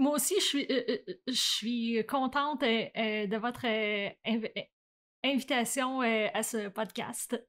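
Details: Adult woman who stutters, with onset around age 7 or 8; stuttering.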